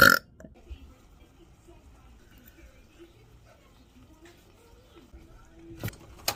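One loud, abrupt burp at the start, then quiet room sound with faint voices and a couple of soft knocks; an ordinary belch.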